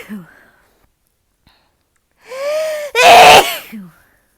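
A rising voiced intake builds into one loud explosive sneeze, followed by a short breath.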